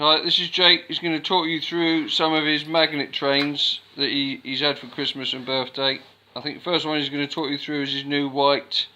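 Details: Adult speaker; normal speech.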